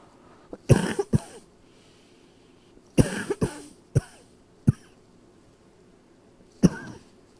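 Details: Nighttime cough, which the person tries to keep as quiet as possible: muffled, suppressed coughs in short groups of one to three, nocturnal cough.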